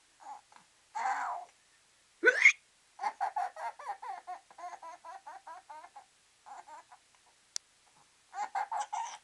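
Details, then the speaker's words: Six-month-old boy with hiccups, just after a diaper change and before a nap, gives soft breathy bursts of laughter at fake hiccups while kicking his legs, with a brief hiccup-like gasp: infant hiccups. "somebody has the hiccups you like it when I make fun of your hiccups"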